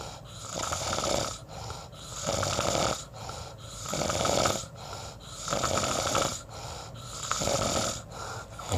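Rhythmic rough snoring sounds on each breath, about six cycles in nine seconds, roughly 35 a minute.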